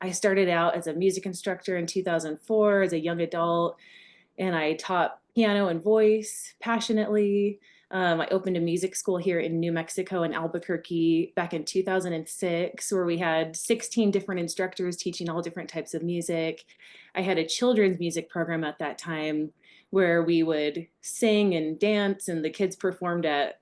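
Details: Adult woman speaking; normal speech.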